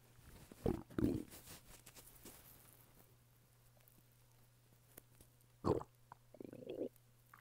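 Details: Adult male lying flat on his bed, stomach rumbling with hunger: soft, low gurgles in a few brief bursts over a steady background hum; borborygmi.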